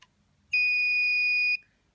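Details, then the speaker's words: BodyGuard 323 Color Vision infusion pump, home infusion via central line: one steady high beep about a second long as the padlock key is held to lock the keypad. "la dernière chose à faire il faut verrouiller la pompe on n'a plus le bouton les cadenas famille et qu'il faut maintenir jusqu'à un buteur"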